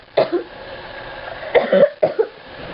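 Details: Simulated cough in an acted drama scene: three short, harsh coughs with quiet room sound between; the character is then said to have coughed up blood and reports shortness of breath.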